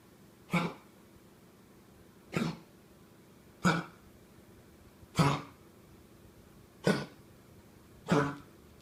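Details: Dog in a quiet indoor room giving six short, harsh coughing bursts, spaced irregularly over about nine seconds; a repeated cough.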